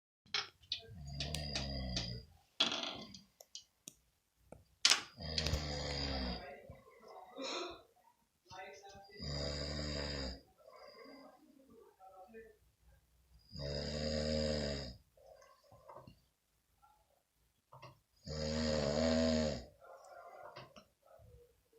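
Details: Man (brother) heavily snoring: loud, deep, growling snores about every four to five seconds, with smaller snorts and mouth noises between.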